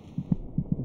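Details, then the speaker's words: Fetal heartbeat on a monitor, described as about twice as fast as the mother's, in a third-trimester context (week 26): rapid, soft paired thumps at roughly 140–150 a minute. "the fetus's heart meets about twice as fast as a mother's monitoring the baby's heartbeat gives a good indication of his general condition"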